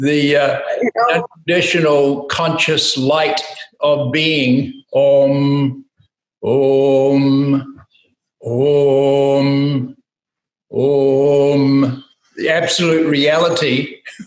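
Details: Adult man speaking and chanting; ordinary speech with chanted humming.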